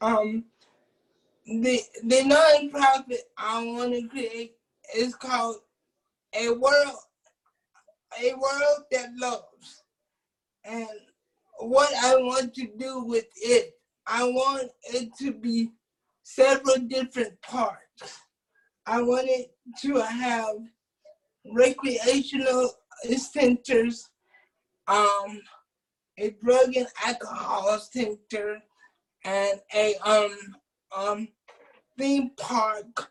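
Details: Adult man with cerebral palsy who uses a wheelchair; at birth doctors told his family he would never be able to speak; dysarthria (cerebral palsy).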